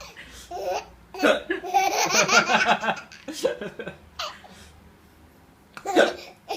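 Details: Baby laughing in bursts with sharp, abrupt breath catches between giggles; hiccups during laughter.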